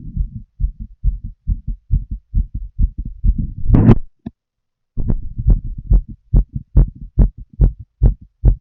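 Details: Adult female smoking a cigarette, full heart auscultation through a stethoscope: regular paired low heartbeat thumps at about 70 beats a minute with a brief rustle partway through; normal heart sounds.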